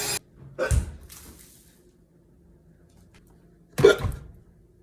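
Sharp, abrupt gulping bursts separated by silence, acted hiccups in a quiet room.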